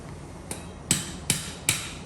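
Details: Four sharp, evenly spaced metallic mallet taps, the final strikes seating a titanium cage in the L5-S1 disc space during OLLIF revision fusion for non-union.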